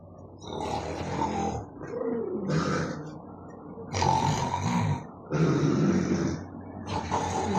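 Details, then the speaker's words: Loud snoring from roommates sleeping at 2 a.m. in a shared room, likened to roaring animals. "कैसे नींद आएगी ऐसे room में? जानवर भी ना इतनी आवाज नहीं करते जितनी आवाज ये करते हैं।"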